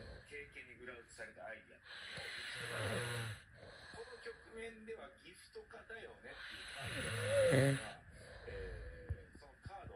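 Two harsh, rasping snore breaths with a low rattle and a brief whistle, among background noise; snoring during sleep.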